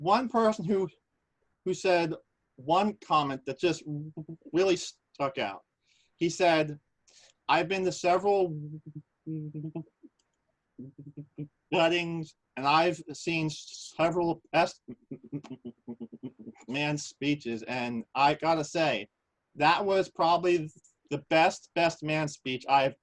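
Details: Adult man who stutters, speaking at a stuttering association open mic session, recorded in 2020; stuttering.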